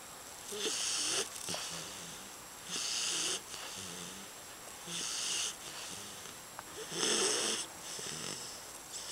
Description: Here's my 4 month old English Bulldog snoring like a lumberjack.